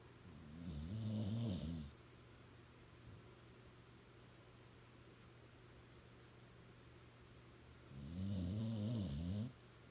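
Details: Dog napping: two long, low, rattling snores about six seconds apart over a steady room hum, ordinary snoring.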